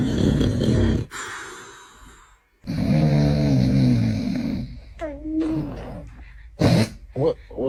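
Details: Loud, rough, rattling snores from a father in long low bursts, followed by brief high-pitched infant vocal sounds reacting; snoring.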